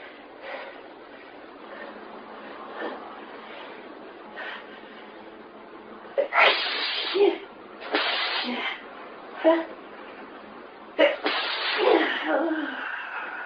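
Several forceful sneezes in quick succession, some with a sharp intake before them; a sneezing fit.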